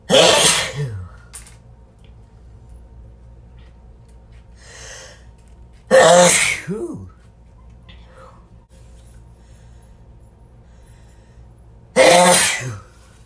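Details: Person sneezing repeatedly: three loud, explosive sneezes about six seconds apart, each preceded by a sharp in-breath; sneezing.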